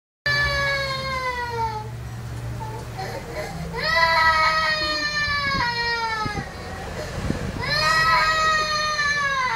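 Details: Young child crying to her mother: loud, sustained wailing cries with falling pitch, broken by short gasping breaths about every four seconds.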